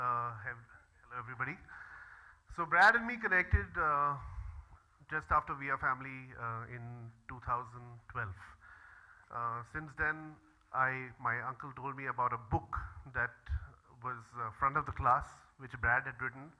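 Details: Adult man speaking at a microphone; normal speech.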